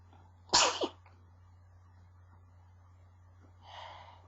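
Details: Stifled sneezing: a single sudden, muffled sneeze held back in the throat, followed later by a soft breath.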